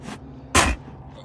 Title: Good morning with a big sneeze!!! #animal #cattlefarm #fluffy #farming #love